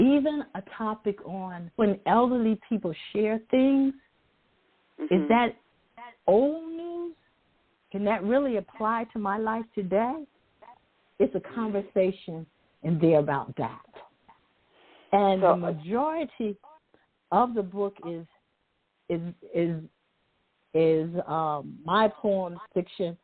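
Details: Adult woman who says she stutters sometimes, with part-word and word repetitions; stuttering.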